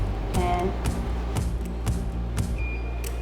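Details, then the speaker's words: Portable X-ray of a horse's leg, plate held against the inside of the leg: brief high electronic exposure beep near the end over steady low hum and rhythmic clicking. "we heard the beep. All right, now you can step away."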